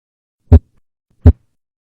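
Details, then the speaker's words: Normal first and second heart sounds (S1 and S2): two clean, low heart thumps on a silent background, S1 then S2 in a repeating cycle. "Heartsoundsโดยปกติแล้วถ้าเราฟังเสียงหัวใจมันจะประกอบมีเสียงที่1และเสียงที่2แล้วจะต่อด้วยเสียงที่1อีกครั้งและเป็นวงจรแบบนี้ไปเรื่อยๆ"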